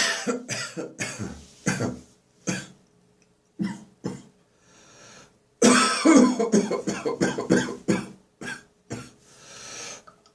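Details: Dry morning cough lingering after bronchitis, phlegm nearly gone: repeated dry, hacking cough bursts in clusters with short gaps between fits.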